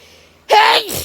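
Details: Single sharp, forceful sneeze after a quiet moment, from a person with intense autumn allergy sneezing; allergic sneezing.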